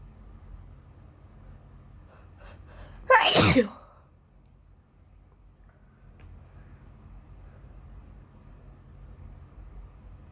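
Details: Person who badly wants to sneeze: soft catching breaths build up to one loud, explosive sneeze, followed by quiet room noise.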